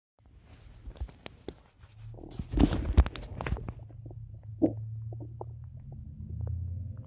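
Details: Adult's stomach noises: low gurgling and rumbling with scattered pops and squelches, ordinary bowel sounds (borborygmi).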